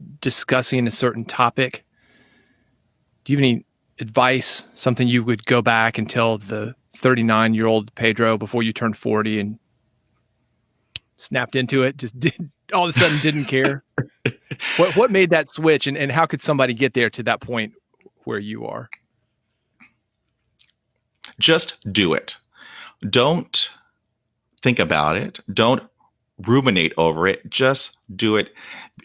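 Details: Real, unedited speech of an adult man who stutters. Onset was at age five, when shock/trauma from a German Shepherd attack dropped his fluency to 0%. He reports blocks in which he turns red and stops breathing. Stuttering.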